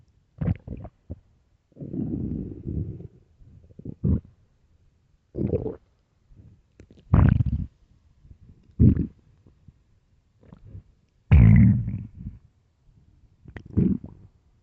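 Loud, deep gurgling rumbles come in irregular bursts with quiet gaps between them: stomach growling from an empty stomach.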